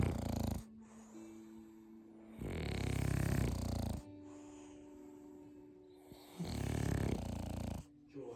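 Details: Sleeping French bulldog brothers: loud, rough, rattling snores recurring every few seconds over steady background hum and faint music; snoring.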